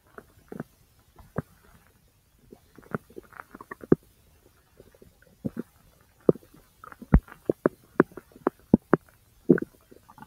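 Irregular gurgles, pops and short bursts from the belly, growing busier toward the end; ordinary bowel sounds from intestinal gas and fluid moving.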